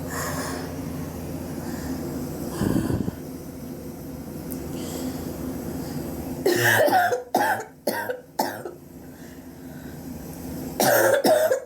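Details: Persistent cough over recent weeks, suspected but unconfirmed bronchitis, with chest x-ray planned to check for pneumonia; about six or seven harsh coughs, some in quick runs, over quiet room noise.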